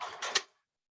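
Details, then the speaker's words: Brief hiss ending in a sharp click as a nitrous oxide tank, turned on, is hooked up for a patient; a single occurrence is normal, continuous hissing means the tank is off or empty; gas line pressurization hiss. "that noise is normal you can hear it one time if you continuously hear it that means that your tank is either off or that it's empty"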